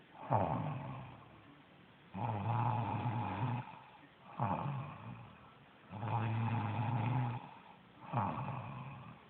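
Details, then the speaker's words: Tired mother sleeping and snoring loudly, likened to a thunderstorm: deep rumbling inspiratory snores with quieter expirations, about 16 breaths a minute. "I sleep this usually I'm sleep right now this is like a thunderstorm you believe no this is ridiculous"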